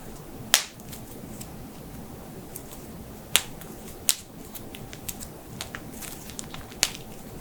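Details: Neck, knuckle and shoulder cracking: sharp, irregular popping clicks with smaller snaps between, harmless joint cavitation.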